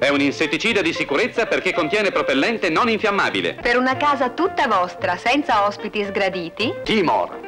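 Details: Adult announcer voice-over; typical speech.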